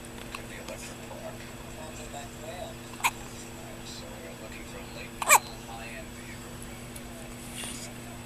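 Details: Newborn baby boy with hiccups: two brief, sharp catching sounds about two seconds apart over quiet room noise; newborn hiccups.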